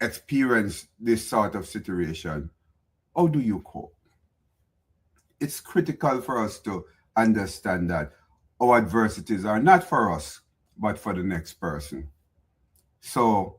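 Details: Adult man speaking; normal speech.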